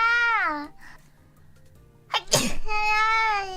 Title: Sneeze Compilation